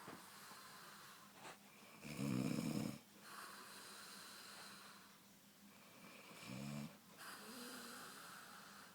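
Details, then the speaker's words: Mother asleep: low rattling snores on the in-breaths, two clear snores a few seconds apart over steady room hiss; ordinary snoring. "Guess what? Guess what? I recorded you snoring and you're going on YouTube now."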